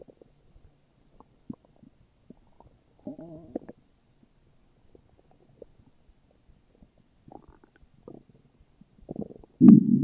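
Scattered gurgles and low rumbles in a quiet room, ending in a louder growl; ordinary bowel sounds of an empty stomach.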